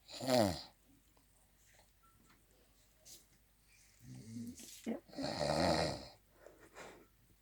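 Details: A friend who fell asleep, snoring: two loud, rattling snores with softer snorts and breaths between them. Ordinary snoring.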